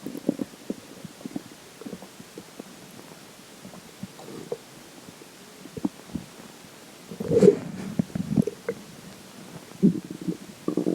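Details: Stomach growling (borborygmi) after drinking water: soft gurgles and bubbling rumbles that come and go, with a louder gurgle near the end.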